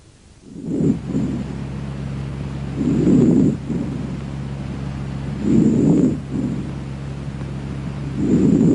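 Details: Vesicular breath sounds.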